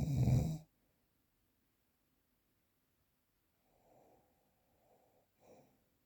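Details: Real unprocessed recording of snoring: one harsh, low snore, then several seconds of quiet and a few soft breathing sounds; snoring.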